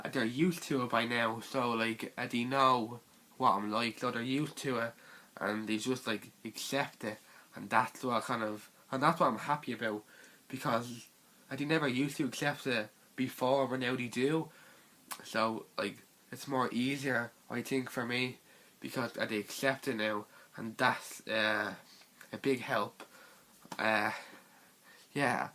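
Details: Stuttering (stammering) in a teenage male speaker.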